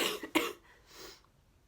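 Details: Person sick for a long time, coughing while vlogging: a few harsh coughs, one sharp burst, fading into quiet breath; cough during illness.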